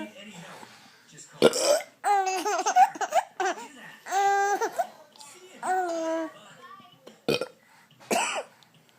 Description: My daughter laughing repeatedly at me burping. Kinda of gross kind of hilarious.